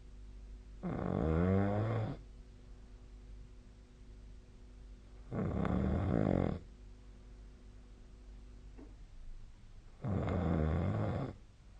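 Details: Sleep snoring recorded with the SnoreLab snoring app: deep, fluttering inhaled snores every 4–5 seconds, roughly 13 breaths a minute, over a faint steady hum.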